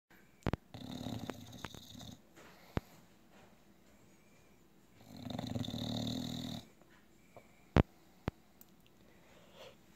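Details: English Bulldog asleep after eating a lot of Thanksgiving turkey, giving two long, rough, rattling snores, with scattered clicks and knocks in the room.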